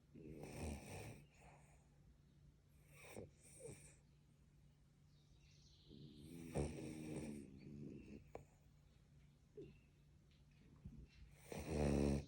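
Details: Sleeping French Bulldogs snoring while dreaming: irregular rattling snores and snorts over a steady low room hum.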